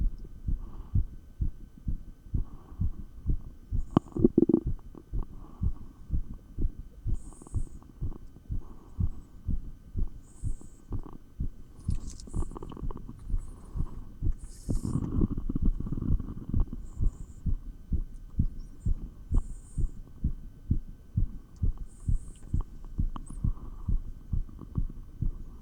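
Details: Real heartbeat heard through a stethoscope while exercising with 20 lb dumbbells: fast, regular beat of roughly 130 a minute with occasional rubbing noise; normal heart sounds during exercise.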